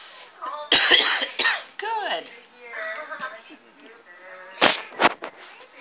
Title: Me burping